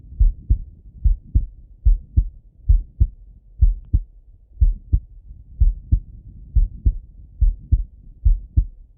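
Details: Male heartbeat auscultated with a stethoscope, recorded either sitting at a desk or lying in bed: clear, regular lub-dub heart sounds at about 70 beats a minute; normal heart sounds.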